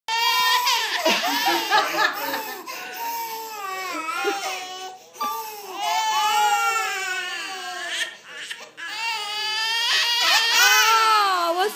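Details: Babies crying: loud, sustained wailing cries from more than one baby in a small room, rising and falling in pitch, with brief breaths between.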